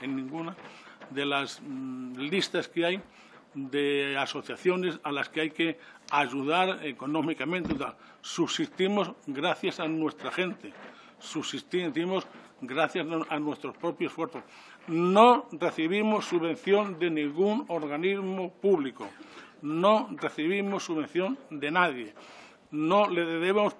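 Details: 69-year-old adult man with self-reported real stuttering, speaking spontaneously in person at a parliamentary commission; he says he takes longer to say things than to think them; stuttering.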